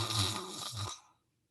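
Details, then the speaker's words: Imitated open-mouth snore by an adult demonstrating snoring: a single rough, rattling snore sound lasting about one second. "so open your mouth and snore make a sound and and you can laugh at me but this is the sound of a snore"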